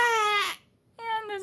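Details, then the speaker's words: Month-and-a-half-old baby boy, tired and overstimulated after family visits: two short fussy cry bursts with a clear, tonal, slightly falling pitch, separated by a brief pause. "can see he is a little fussy which while he's a good baby is pretty normal for him to be fussy when he's tired"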